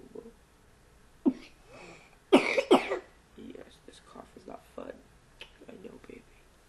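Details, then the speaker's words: Two forceful coughs from a young child, a little girl just woken and come to her mother, described as a big cough for such a little one, amid quiet room sounds and a soft voice. "So, oh goodness. Oh, such a big cough for such a"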